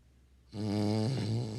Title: When you trying to see if you snore while you sleep🤣